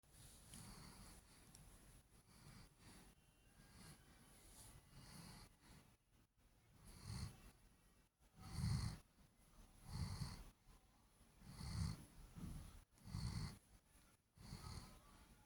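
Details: German shepherd dog asleep: deep, rattling snores with snorting breaths every couple of seconds, growing louder partway through; snoring.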